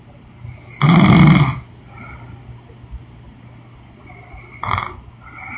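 One loud, rough, low snore, then quieter breathing and a short snort, with a faint steady hum behind.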